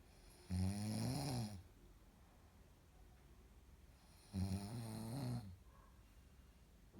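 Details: Man in deep sleep: two loud, rumbling snores about four seconds apart, each about a second long, with quiet room noise between; ordinary snoring.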